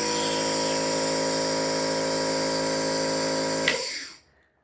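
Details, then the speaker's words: Pediatric nebulizer demonstration: steady buzzing hum of the nebulizer compressor running to produce medication mist, then switching off; normal operating sound. "now we're going to turn on the nebulizer machine and look for mist to come"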